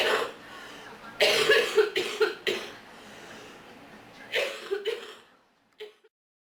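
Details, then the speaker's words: Acted cough from someone saying their allergies are bad and they feel sick: repeated harsh coughing bursts in two clusters, about six coughs, with breathy pauses. "My allergies are so bad. I'm so sick. It's so bad. Mm. I wish I had some cough medicine. I'm so sick of being sick."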